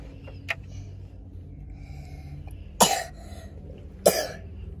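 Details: Two sharp, isolated single coughs about a second apart after a faint throat sound, over low room noise; a sick young boy seen by a doctor and given a nebulizer, often ill in winter.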